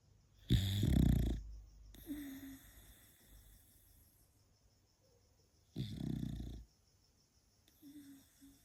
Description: She is very loud when it comes to snoring #dog #funnyvideo #funny #snoring #beagle #cutedog #puppy #cute #funnyanimals